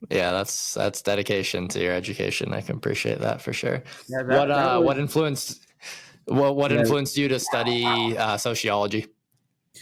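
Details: Adult male speaker; normal conversational speech.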